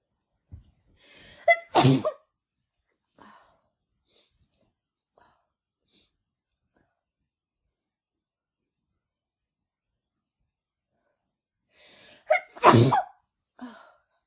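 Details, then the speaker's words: Woman with her first head cold of the year sneezing after using chhinkni (sneezing powder): two forceful sneezes, each with a gasping intake before it and a long silence between. "Oh my gosh. Oh, they're so strong."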